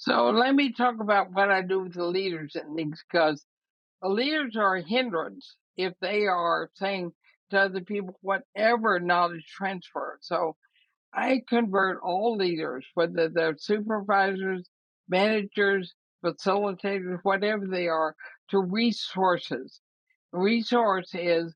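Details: Dysarthria in an 80-year-old woman with ALS (Lou Gehrig's disease), which also affects her breathing; she says her speech already shows quite a bit of trouble but remains intelligible.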